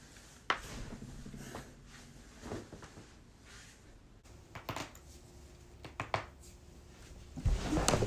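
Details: A few sharp clicks and pops over quiet room noise from neck cracking, a harmless joint cavitation.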